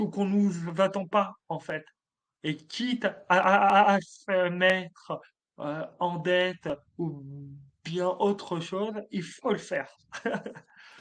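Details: Adult male comedian with stuttering since childhood, which he describes as part of him, more like an accent; stuttering.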